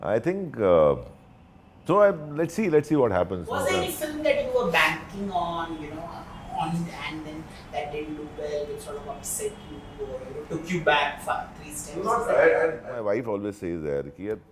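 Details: Adult men in conversation; typical speech.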